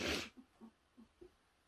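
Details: Woman sneezes once, sharply and loudly, near a pet squirrel, which is startled; faint small squeaks or rustles follow.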